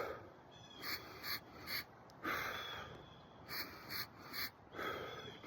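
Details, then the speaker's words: Short hissing puffs of air, about three per slow deep nasal inhale, from a portable oxygen tank's pulse-dose delivery while walking outdoors, in a person with lung disease. "if you hear that what you're hearing is three shots of air through a nice slow inhale rather than trying to time your breathing to a little puff of air"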